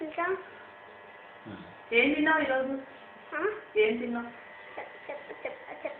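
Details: Adult speaker; normal speech.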